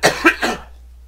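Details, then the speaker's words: A quick run of three loud adult coughs within about half a second in a small room; the person is coughing a lot. "sorry to cough again there was this guy um in some comments somewhere I can't remember where that complained and just went on and on about me coughing once in the last video"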